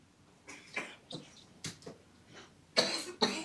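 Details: Young boy with asthma as a younger child and a tight, wheezy chest, never used inhalers, gives a series of short, dry coughs, the last two loudest, during an asthma exacerbation at a GP visit.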